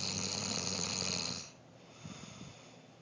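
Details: Adult man (ex-husband) snoring heavily during sleep: one loud, harsh, rattling snore about a second and a half long, then quiet breathing.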